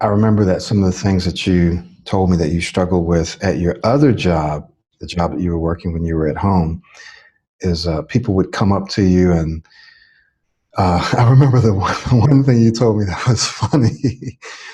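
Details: Adult male speaker; fluent speech.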